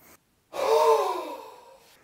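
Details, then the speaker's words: A brief pause, then one forceful, breathy open-mouth exhalation after a full breath in through the nose; a demonstrated huff cough, the forced expiratory technique of the active cycle of breathing for clearing mucus from the lungs. "take a full breath in through the nose and then Force the air out through your mouth to create a huffing action this is also known as the Huff cough"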